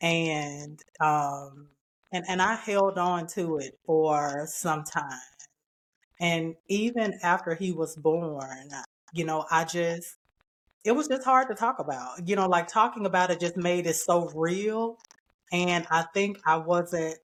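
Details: Man with spinocerebellar ataxia type 15 (SCA15), a rare progressive neurodegenerative disorder; speech worsening since his early 40s, with imbalance; ataxic dysarthria.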